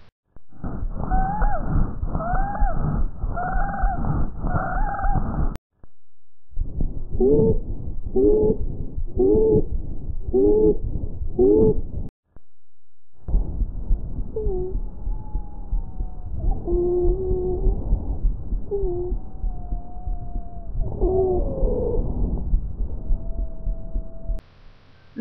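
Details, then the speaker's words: Wheezes on auscultation, adventitious lung sounds: repeated breaths carrying high-pitched, whistling musical tones. "las sibilancias que son ruidos agudos como un silvido"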